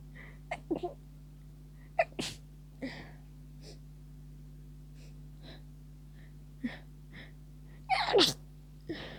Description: I'm heading towards the end of a cold, feeling better now, but the teasy, tickling sneezes won't stop! It was quite intense...